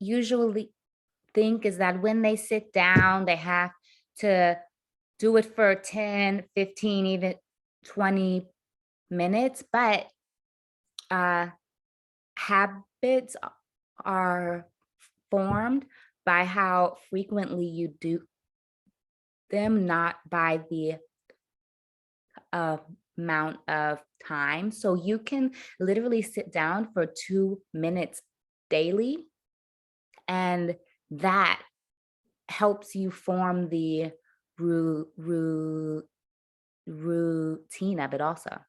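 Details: Stuttering in an adult woman who says she stutters; her stutter worsened under caregiving stress, at times to the point of being nearly unintelligible.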